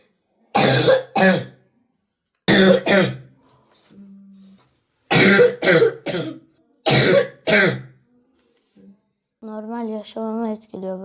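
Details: A 12-year-old boy with 8 years of persistent coughing fits, treated with cortisone medication, coughs repeatedly in harsh, forceful paired bursts. The cough disturbs his sleep.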